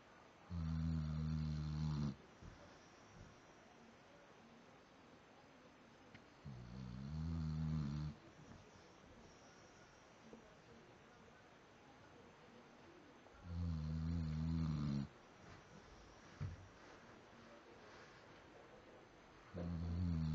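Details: Deep, buzzing snores on each in-breath, about ten a minute, with quiet out-breaths between them; ordinary snoring.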